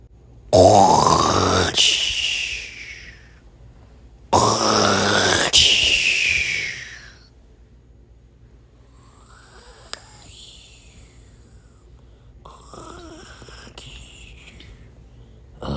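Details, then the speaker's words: Staged cartoon snoring sound effect from a character who has snored three nights in a row: two loud, exaggerated snores, each a long rasping inhale rising into a whistle, then softer ones. ">> And now you keep snoring. >> I'm sorry. I can't help it."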